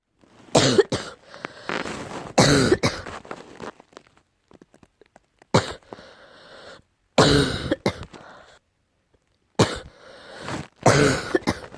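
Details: An adult coughs in short bouts of two or three, each cough deep and harsh (deep cough); the recording is tagged allergy.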